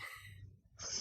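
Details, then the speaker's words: A female pet cat sneezes in the background of a conversation. "oh let's see did you hear that that's my cat she's sneezing"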